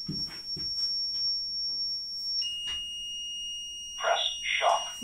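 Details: In a hospital demonstration of basic life support, an AED gives a high, steady electronic tone that shifts pitch and holds as it charges during chest compressions before shock delivery. Room noise and brief voices are heard.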